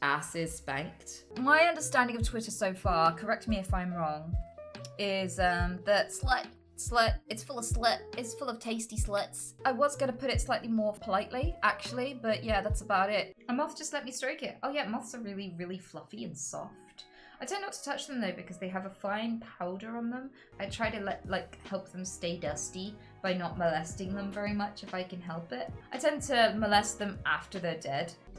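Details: Real, self-reported Tourette syndrome in an adult woman: involuntary vocal tics, including offensive and sexual words, interrupt her normal speech. Vocal tics with coprolalia.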